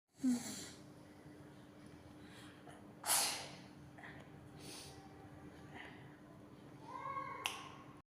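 A few sharp, explosive bursts of air with sniffs and breaths between them, fitting sneezes.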